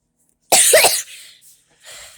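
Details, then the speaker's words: Boy deliberately triggering a sneeze by sniffing hot sauce while trying to keep his eyes open: one sharp, explosive sneeze followed by a brief breathy exhale. "We're gonna try to sneeze with our eyes open. So, ready? I gotta put on me right now. The only thing that makes me sneeze is hot."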